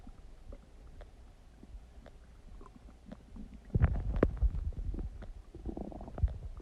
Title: Huge Stomach Digesting Noises | My Stomach Makes Noises